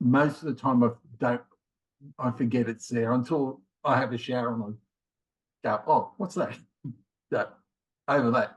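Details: Man in his late 50s with mild aphasia after a left-sided ischemic stroke in January 2020, word-finding difficulty worse with fatigue; also two prior heart attacks and rheumatoid arthritis; aphasia (word-finding difficulty).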